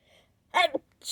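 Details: Late-night sneezing fit, held back until it turned vocal, with snot expelled on one sneeze: a short voiced sneeze with a quick catch at the end, followed by the start of another.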